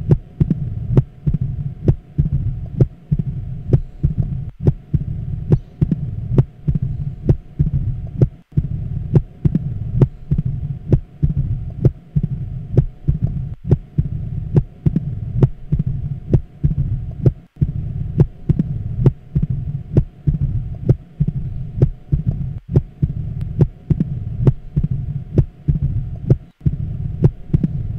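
Regular heart sounds with sharp clicking beats over a low rumbling background and a steady hum. After the second sound comes an extra snap, giving a gallop-like rhythm, followed by a low diastolic rumble: the opening snap and mid-diastolic murmur of mitral stenosis, from blood forced through a narrowed mitral valve.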